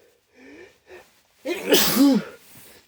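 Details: Several quiet breathy inhales, then one loud explosive sneeze with a voiced 'choo' and a short trailing exhale, provoked by sniffing chhinkni after white pepper in the nose caused burning, watering eyes but no sneeze.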